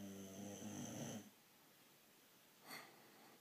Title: George the boxer snoring